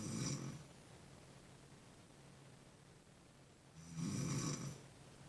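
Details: Woman snoring: two rough, rumbling snores about four seconds apart with quiet breathing between, during sleep.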